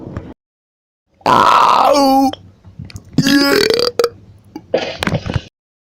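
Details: Several loud, drawn-out burps with a rough, tonal croak, separated by short pauses and some quieter sounds, from a burp compilation; belching.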